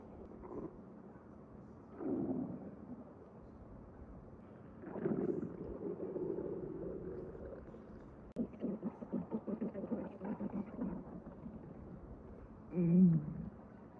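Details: Loud stomach rumbling (borborygmi) recorded at night without a microphone: low gurgling and rumbling bursts, some drawn out and bubbly, from gas and fluid moving through the gut.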